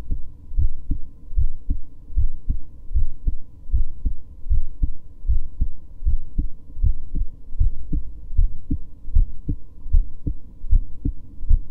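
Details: Resting heartbeat of a woman who reports recently getting tachycardia again: regular low heart thumps at about 77 beats a minute, steady.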